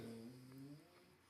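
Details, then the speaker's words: A very tired pet dog snoring: a soft, low, humming snore, one drawn-out breath that fades quietly. "this is my dog snoring"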